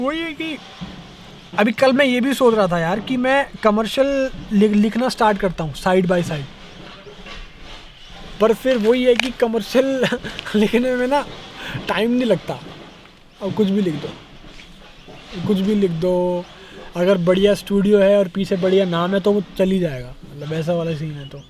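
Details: Young adult male rapper who says he stammers when he speaks, especially in Hindi; conversational Hindi speech; stuttering.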